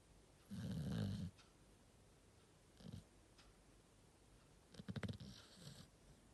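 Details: Sleeping dog snoring: low rattling snores on its breaths, with a fluttering snort near the end; ordinary snoring.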